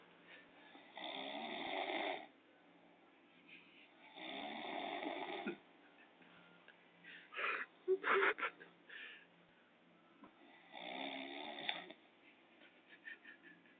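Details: Man recorded snoring during sleep by friends who are awake in his house: three loud, rattling snores on breaths in, a few seconds apart, with brief background murmuring and laughter; heavy snoring.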